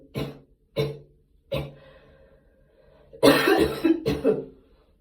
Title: post gym cough this ones actually a few months old, but i didn't have time to post it